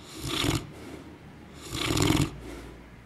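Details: Sleeping dog snoring: two raspy, snorting snores, each followed by a soft breath out.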